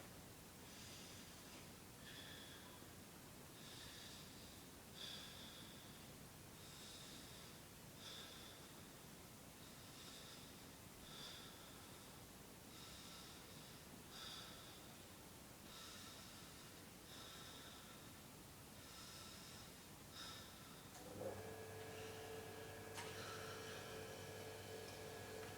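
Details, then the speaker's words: Stethoscope auscultation of a patient taking deep breaths in and out, arm lifted; even breaths with soft airflow, no added sounds: normal breath sounds. "I'm just going to auscultate it today. So just take nice deep breaths in and out for me. No problem. Just breathe in and out."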